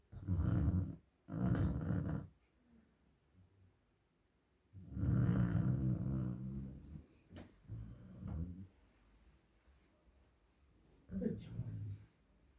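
Loud, low rumbling snores in irregular bursts with quiet pauses between breaths; ordinary snoring in a sleeping dog.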